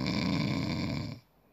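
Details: Snoring detected by a smart anti-snoring pillow/pad, which inflates air bags to turn the sleeper's head or push him to side sleeping: a single low, rumbling snore on an in-breath, fading to quiet at the end.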